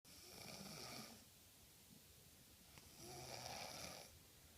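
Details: Two rasping snores about two seconds apart from a 10-year-old boy and his dog sleeping on a sofa; unclear which is snoring.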